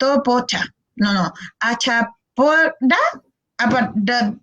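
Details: Acted: a speech therapist imitates a child with childhood apraxia of speech attempting a word, each attempt differing, with effortful self-correcting groping; childhood apraxia of speech (imitated groping).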